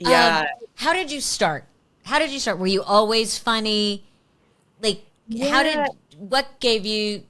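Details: Adult woman; Typical speech.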